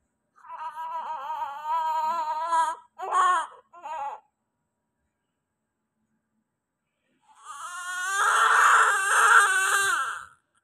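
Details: Newborn just after birth, under NICU observation: strong, sustained, high-pitched crying in bouts with pauses for breath; a vigorous full cry.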